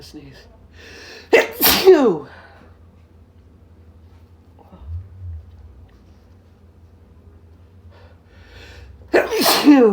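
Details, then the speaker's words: Man's sneezes induced by sniffing a substance into both nostrils: two loud, forceful sneezes several seconds apart, each a sharp explosive burst, with quiet breathing between. "oh here i'm gonna sneeze thank you oh come on yeah oh man it's right there"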